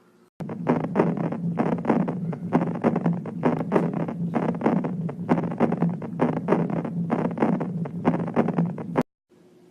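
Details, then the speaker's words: Aortic regurgitation: early diastolic murmur that starts loud then decrescendos until it fades, heard after the second heart sound. "الريجيرج هذا حيبدأ الصوت ضخم بعدين يبدأ يتدرج في الصوت لين يختفي. هذا يسمونه early diastolic murmur، ممكن نسميه water pulse."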